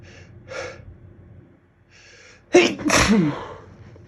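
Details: Itchy, slow-building sneeze: two quiet catching inhalations build up, then a loud forceful sneeze with a trailing exhaled voice.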